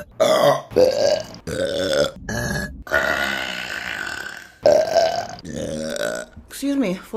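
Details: Compilation of burps from March 2022: several loud, drawn-out voiced burps in a row, some deep and rumbling, with brief pauses between them.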